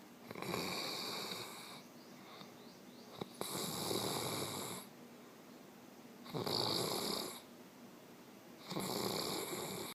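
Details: Snoring from a sleeping man: four loud, rough snores about every three seconds, roughly 20 a minute, with quiet gaps between.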